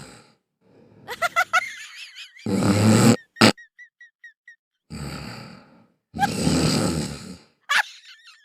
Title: WHEN YOUR CAT SNORING WHEN HE IS SLEEPING #funnycats #catvideos #cutecat #shortvideo #catvideos